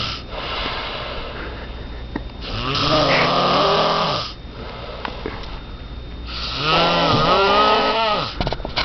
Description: This is me, sawing logs and holding the gifts I got for my Valentine to ensure no one would steal them.